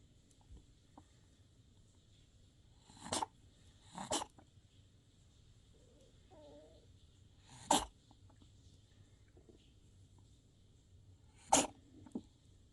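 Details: Kitten with a cold, also noted to have a cough and eye problem: four sharp little sneezes a few seconds apart, a sign of upper respiratory infection.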